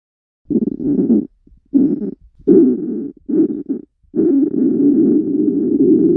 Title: girl hungry stomach growl